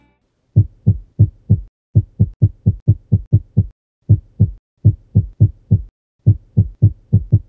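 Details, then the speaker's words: Atrial fibrillation with rapid ventricular rate, no rate-control medication, auscultated alongside ECG: fast, irregularly irregular heart sounds with uneven gaps. "escutaremos as bulhas cardíacas acontecendo em ritmo descompassado vamos escutar um exemplo ao mesmo tempo em que observamos o eletrocardiograma"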